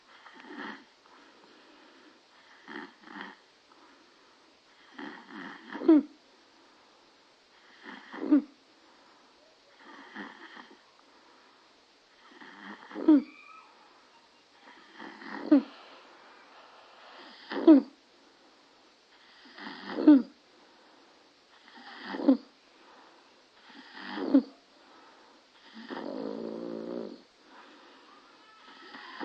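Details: An infant's noisy, high-pitched, crowing breaths repeating about 25 times a minute, consistent with stridor.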